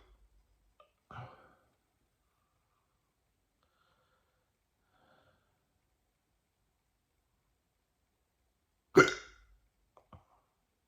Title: Woke up with hiccups